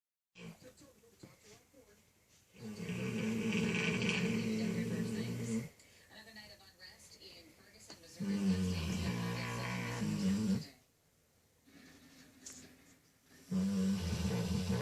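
Long, low, rumbling snores lasting about three seconds each from a sleeping dog, with a television and music playing in the background.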